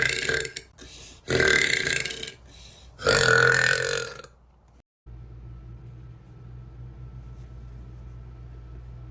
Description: tattooed girl with massive deep belches.